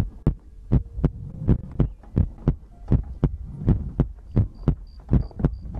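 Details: ASMR heartbeat and breathing recording for sleep: steady paired lub-dub thumps at about 80 beats a minute with a soft low hum behind them; a regular heartbeat.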